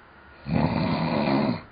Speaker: I feel like I feel like I would wake myself up if it got this loud yeah